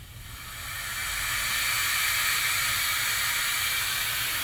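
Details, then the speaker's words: Steady rising airflow hiss that settles to a constant rush from a Flow-Safe II+ disposable bilevel CPAP system in CPAP mode, oxygen flow set at 8 for a CPAP of about 5. "If I put this on a oxygen flow rate of eight I'm going to get roughly around five a CPAP remember I'm in the CPAP mode so I'm going to do that"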